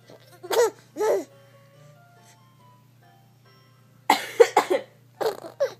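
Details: An older girl sneezing and coughing while her little sister laughs: two sharp coughs, then a run of quick explosive coughs and sneezes with a child's giggling.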